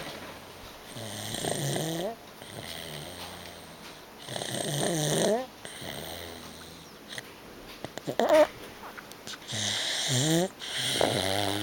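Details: 13-month-old child snoring at a relative's house: repeated rough, fluttering snores on each breath, about 19 a minute, with quiet gaps between; ordinary snoring.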